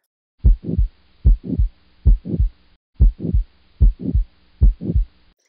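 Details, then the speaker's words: Aortic stenosis: regular heartbeat about 74 a minute, crescendo-decrescendo mid-systolic murmur after each first sound, heard best at the right upper sternal border with the stethoscope bell. "you want to listen over the carotid pulses and hearing or seeing if there's any radiation of that manner here sound clip of aortic stenosis"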